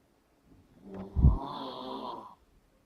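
One deep snore with a heavy low vibrating snort at its onset, followed by a rattling breath; snoring during sleep.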